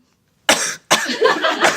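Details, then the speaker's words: Adult during an interview, coughing that won't stop: two harsh, noisy cough bursts in quick succession, the second longer and trailing into voice. "咳が止まりません。"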